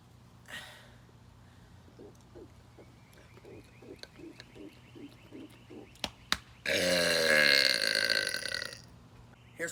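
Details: Deliberate burping for fun in a burp challenge, done after swallowing air in sets of pumps: a run of quick, rhythmic small burps, then a long, loud, drawn-out belch. Ordinary belching.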